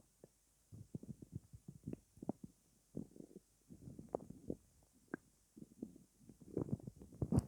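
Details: Borborygmi at night after not eating all day: low, irregular gurgling and rumbling bursts from an empty stomach, ordinary hunger-related stomach growling.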